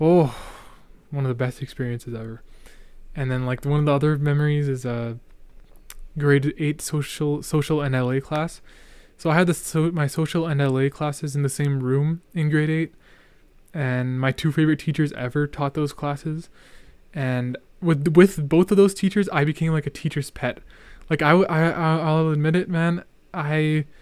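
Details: Male podcast host who stutters and remarks he is stuttering a lot, with part-word and whole-word repetitions: stuttering.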